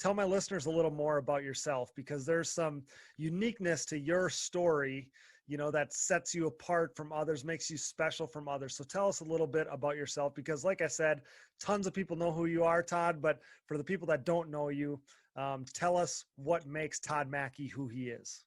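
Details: Adult male speaker; typical speech.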